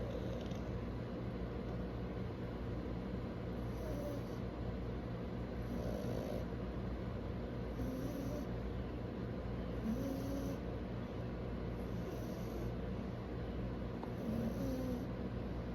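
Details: Snoring in a French bulldog: low rumbling snores recurring about every two seconds, roughly 30 a minute, over steady background noise.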